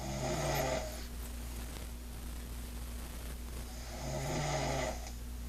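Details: Two loud, low, rattling snores about four seconds apart over a steady hum with slow breathing, from a woman asleep after drinking a bit too much; snoring.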